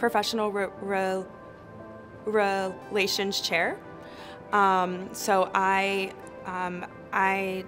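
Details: Adult woman who stutters, telling her story for a stuttering association; part-word repetitions and interjections heard; stuttering.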